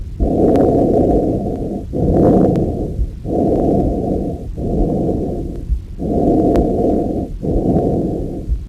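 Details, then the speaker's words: Normal tracheal breath sound: loud, hollow, tubular breath noise over the trachea, mainly expiratory, with only short pauses between inspiration and expiration; useful in respiratory monitoring, e.g. suspected sleep apnea. "le son normal c'est le son crackéal c'est un son tubulaire plutôt expiratoire qui peut avoir un intérêt en clinique notamment dans le monitoring respiratoire des patients"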